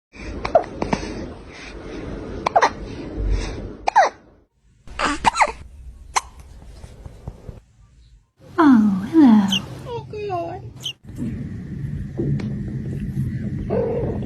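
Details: A kitten makes brief, repeated, sharp little hiccup sounds with short pauses between them; kitten hiccups.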